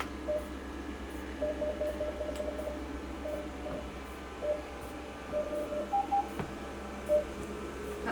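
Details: Broadband light (BBL) device with 7 mm round spot adapter and 515 filter treating brown spots, pigmented lesions rather than melasma, on a client's face: short tonal beeps, single and in quick runs, over quiet room hum and faint clicks.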